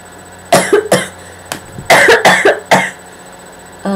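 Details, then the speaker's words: Person recovering from illness with a lingering cough, a run of about six sharp, loud bursts, some doubled; persistent cough. "oh my goodness I have the worst cough ever it just won't leave I've been sick and it won't leave me alone"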